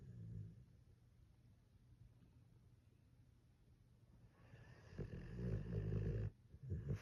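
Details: Pit bull dog (Fiona) sleeping: low, rumbling breathing noises building into a louder rattling breath near the end; snoring.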